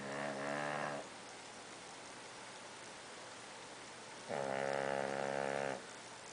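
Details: 6-month-old pug cuddling with her sister, a basset-wiener mix, gives two drawn-out, buzzing, almost tonal snores separated by a quiet pause: snoring.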